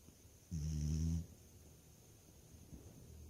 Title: Bully snoring compilation. #bully